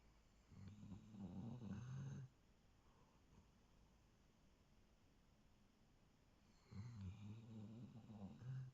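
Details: Sproodle dog snoring while asleep on owner's lap: two rattling, low snoring breaths with a quiet pause between them.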